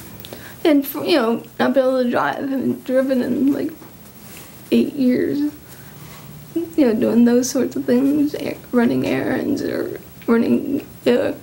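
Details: Woman, 39, who tested positive for genetic Huntington's disease 11 years ago, inherited from her father, with clumsiness, memory loss, speech problems, restlessness and difficulty formulating thoughts; hyperkinetic dysarthria (Huntington's disease).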